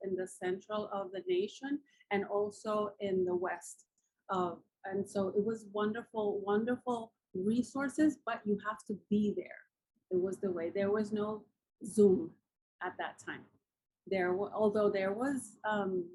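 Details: Adult woman with aphasia after a massive combined ischemic and hemorrhagic stroke 10 years ago, with coma and locked-in state; nearly a year passed before she could speak; writing still impaired; aphasia.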